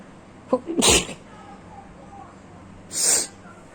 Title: sneezing attack